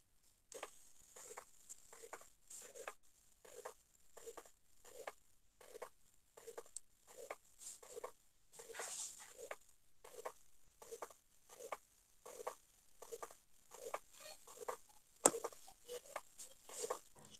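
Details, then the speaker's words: Pericardial friction rub heard over the precordium near the heart's base, typical of pericarditis: rhythmic scratchy, grating, sandpaper-like bursts with each heartbeat. It is best heard at end of respiration with the patient leaning forward. "pero ese era el frote verdad este se ausculta en el pre core dio para cerca de la base del corazón y pues se aprecia mejor al final de la respiración con el paciente inclinado hacia adelante"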